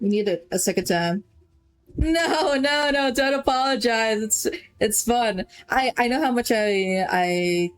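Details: Female streamer who says she stutters and is stuttering right now; word repetitions such as "It's It's" and "I I" heard; stuttering.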